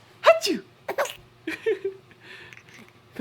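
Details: A few short, sharp bursts with a high vocal edge and breathy releases, fitting sneezes, mixed with brief voiced sounds; sneezing.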